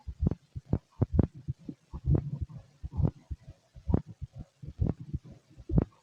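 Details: Stethoscope recording of a fit adult male: low thudding heartbeats, roughly 65 a minute, somewhat uneven in strength, with some digestive rumbling: normal heart sounds.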